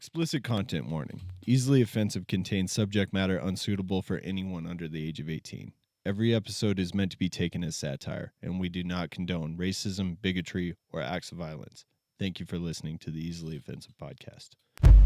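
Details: Adult male speaker; typical adult male speech.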